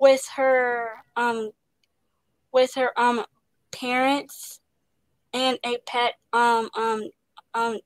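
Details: Stuttering in a young woman, an actress, with repetitions and interjections.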